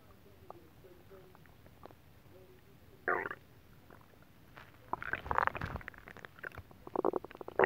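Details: Stomach rumbling after eating a whole pot of nabe stew: bubbly, gurgling belly rumbles in several bursts, growing busier toward the end, with a TV faintly audible; the belly was also rubbed and oil-massaged.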